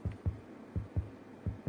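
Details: Baby's heartbeat played on a heart monitor in a film scene: regular paired low thumps, about 85 cycles a minute.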